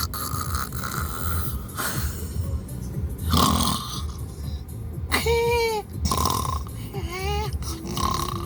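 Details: A sleeping dog snores with low, rattling rumbles about every two seconds, with music playing in the background; ordinary snoring.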